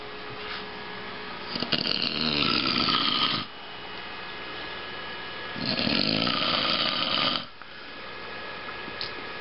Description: wife takes a video of her husband snoring, because she was listening to some music videos but couldn't hear the music because of the snoring.